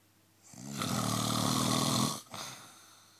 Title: Me snoring :-)